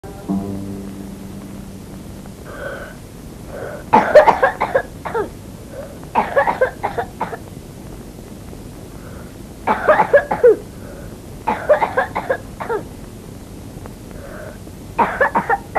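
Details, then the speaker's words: Paroxysmal cough of pertussis (whooping cough) in a child, from a 1972 educational film: spasmodic cough with short cough bursts on exhalation. "Ho gà là một bệnh truyền nhiễm cấp tính đặc trưng bởi cơn ho kịch phát."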